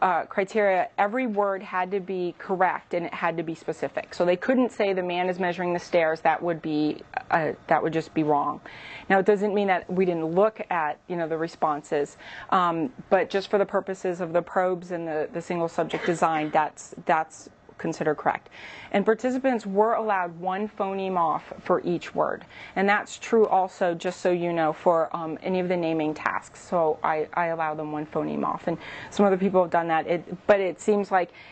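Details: Adult woman; typical speech.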